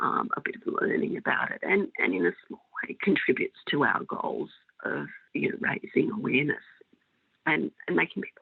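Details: Adult female with spasmodic dysphonia of mixed adductor and abductor type for 16 years, treated with Botox injections into the larynx that stop some of the spasms; she says her voice may go in and out a little.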